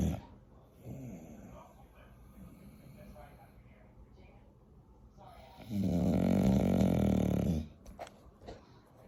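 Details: Soft snuffling breaths, then one long, loud, rumbling snore with a vibrating throat sound, from a sleeping bulldog; snoring.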